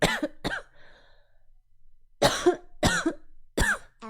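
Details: Coughing compilation of a 24-year-old streamer who says they cough a lot: five short, sharp dry-sounding coughs in two clusters with a quiet pause between.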